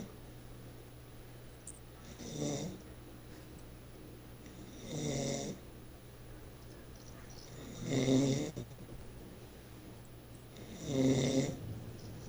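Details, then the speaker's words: Person sleeping: four rough, rattling snores about 3 seconds apart, roughly 20 a minute, likened to a pig, over steady low room hum; snoring. "Ele parece um porco."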